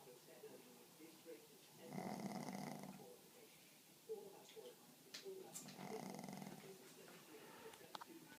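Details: Sleeping pug (flat-faced dog) snoring: two soft, rough snoring breaths a few seconds apart, with faint snorts and room noise between them.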